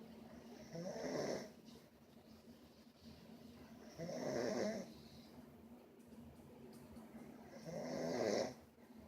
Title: Sleep and snoring